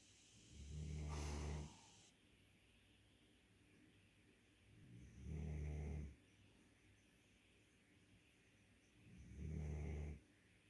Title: Snoring guardian dog